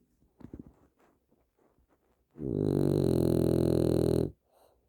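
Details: Maarley, a sleeping dog, exhausted and said to snore a lot: a loud, rough, rattling snore of about two seconds after a few quieter snorts; heavy snoring.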